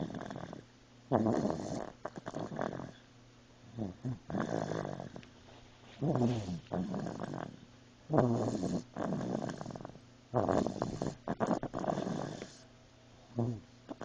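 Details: A sleeping dog gives loud, rattling snores in regular bursts with quiet gaps between breaths; snoring.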